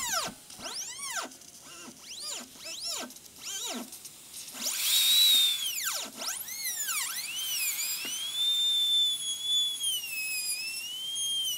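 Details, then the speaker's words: High-speed dental drill refining functional cusp bevel on tooth number three (maxillary molar) during full zirconia crown preparation with rounded shoulder: high-pitched whine rising and falling in short bursts. "okay we'll refine our functional cuts bevel now a little bit now we'll add our second facial plane in out here"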